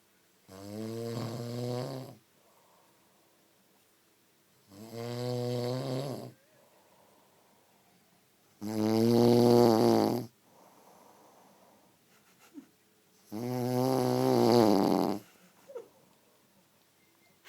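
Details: Heavy snoring in an adult man, said to snore like a train with nothing able to stop him: loud, rattling snores on each breath in, about 13 a minute, with quiet breaths out between them.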